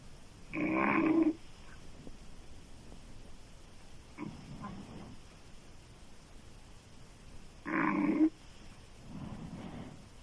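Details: Female loud open-mouth snoring: two loud, harsh inhaled snores, each followed by a softer rasping exhale.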